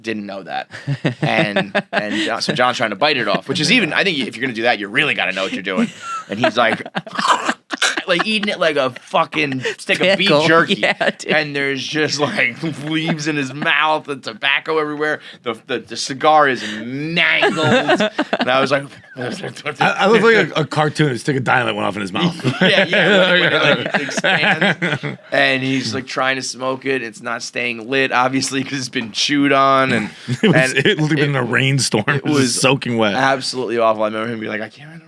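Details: Adult male with stutter onset at age 20 after a softball injury (ball to throat, head strike), with major concussion and minor vocal contusion, later diagnosed by a neurologist as neurogenic stutter; neurogenic stuttering.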